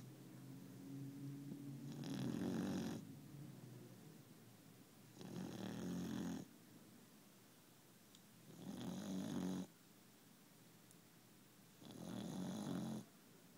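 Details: Snoring: four loud, rough snoring breaths at about 18 a minute, with quieter breathing between, in a quiet room.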